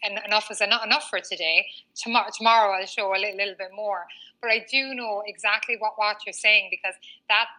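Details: Stuttering in a 39-year-old woman, a former covert stutterer who now stutters openly, with a word-repetition pattern; she has had speech therapy including fluency techniques.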